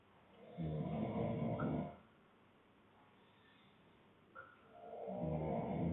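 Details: Adult man (boyfriend) snoring: two loud, low, rattling snores on breathing in, separated by a quiet pause; other snorers in the background.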